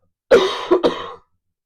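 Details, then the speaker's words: Single harsh cough with two quick bursts from an adult who is unwell, during a live Q&A. "Yes, you're going to hear it [cough] now that you say it."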